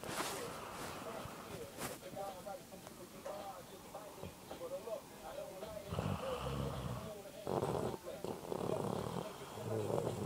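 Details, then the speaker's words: Irregular, rattling snoring from a sleeping girl, some breaths snorting and gurgling, with room noise. "She's asleep and she's snoring freakishly creepy."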